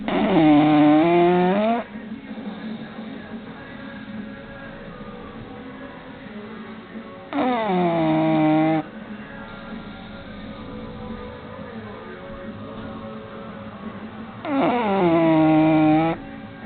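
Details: 1-year-old female bulldog snoring while asleep: long, groaning, fluttery breath noises about every seven seconds, roughly eight a minute, over a steady low hum.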